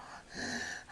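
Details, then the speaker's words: Sleeping infant, mouth-breathing and not congested, gives a single sharp noisy gulping inhalation after a prolonged breath-hold, as earlier breaths moved no air into the lungs; gasp after apnea. "saw that no he's gasping for air the breath they took beforehand he was actually not getting anything into his lungs"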